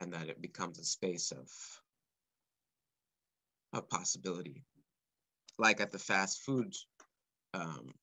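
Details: Adult man speaking live, stuttering since about age four or five, which he describes as blocks and repetitions; stuttering.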